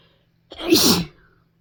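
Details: A single sharp inhaled build-up then a forceful explosive induced sneeze in a quiet room; an ordinary sneeze.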